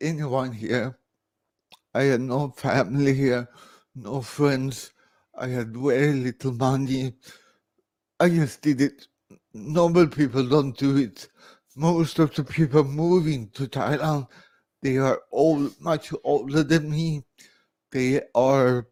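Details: Dysarthria in an adult man born in 1968 with severe cerebral palsy caused by about 45 minutes without oxygen at birth.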